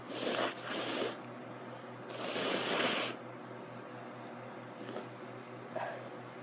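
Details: Sneezing and nose blowing with a cold: several forceful, breathy bursts against a steady low hum, with watery eyes reported afterward.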